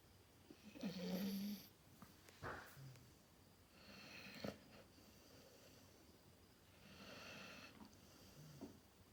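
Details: Sleeping dog: soft, faint snoring breaths with a slight whistle over room noise; gentle snoring.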